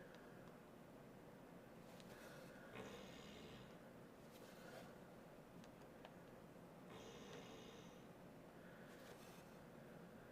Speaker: Oh, Sophie snoring. Can you hear her? Sophie snores.